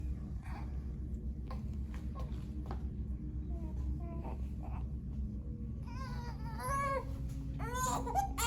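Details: An 8-week-old baby girl during her first chiropractic atlas adjustment for a weak sucking reflex: soft whimpers build into a clear, high-pitched infant cry over low room hum.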